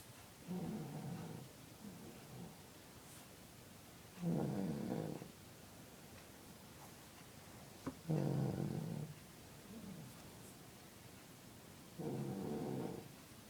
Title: My brother snoring